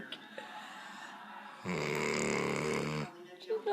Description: My 8 month old pup snoring on my dads lap, so funny!!